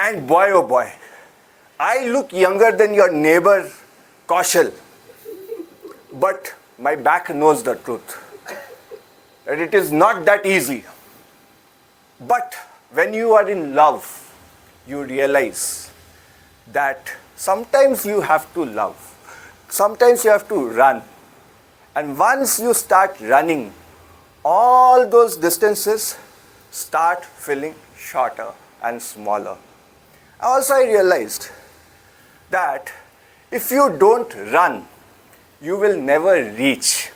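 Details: Adult male speaker; normal speech.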